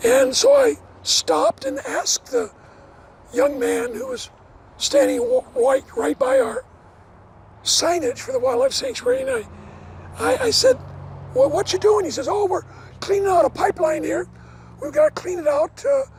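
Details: Adult male never-smoker with two bouts of vocal cord cancer, probably from secondhand smoke; one third of the vocal cords removed in 2008, leaving a raspy voice; dysphonia after partial vocal cord resection.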